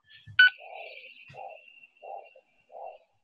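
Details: Monophasic arterial Doppler signal.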